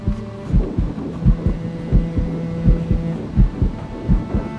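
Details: Control ultrasound in an early IVF pregnancy, which proves to be twins, picks up rapid, regular pulsing heartbeat thumps from the embryo in the first sac over a steady machine hum; normal fetal heartbeat.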